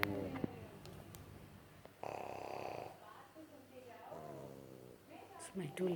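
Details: A sleeping pug snoring: rough, rattling snores with snorting catches and low nasal grunts, with room sounds in the background.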